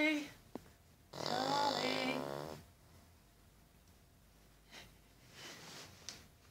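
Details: 8-year-old Cavalier King Charles Spaniel, always prone to snoring, in deep sleep, snoring very loudly: one long, rough, buzzing snore with tonal edge, then quieter breathing; ordinary dog snoring.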